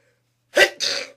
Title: Trying not to sneeze